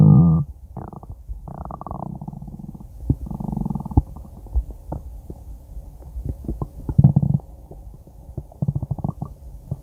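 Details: Low gurgling rumbles and bubbly pops over about ten seconds; stomach growling (borborygmi).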